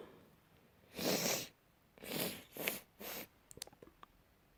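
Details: A run of four sharp, breathy, messy sprayed sneezes in quick succession, then a few soft clicks; a bout of sneezing.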